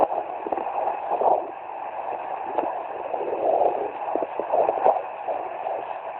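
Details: Fetal heartbeat at 17 weeks of pregnancy, picked up by Doppler: rapid whooshing pulses with a steady hiss around it.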